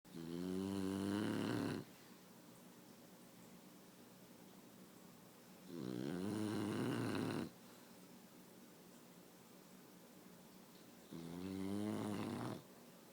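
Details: Bulldog snoring while asleep on a person's face: three loud, rattling snores with long quiet pauses, about 11 a minute.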